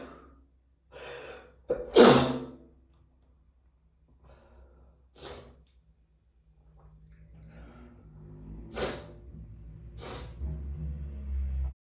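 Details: Repeated congested, messy sneezing: a loud wet sneeze after a building inhale, then several smaller sneezes with sniffly, congested breathing between them.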